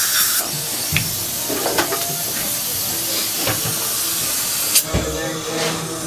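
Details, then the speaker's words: Dental assistant demonstrating high-volume suction placed in the corners at the back of the mouth, avoiding the tongue to prevent gagging, then suctioning etchant and water off the tooth: steady hissing suction with gurgling and air-water spray bursts. "s the corners of the back of the mouth to suction you and a new assistant will too often go right to the center where the tongue is and gag the patient they don't like that you can get almost all the water in the corners of the mouth by not gagging the patient"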